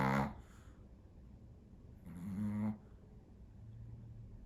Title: Teddy Snores